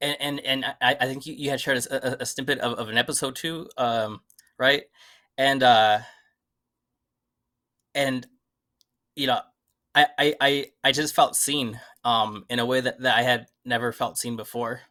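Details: Adult who stutters, never really addressed the stutter before; repetitions and filler interjections; stuttering.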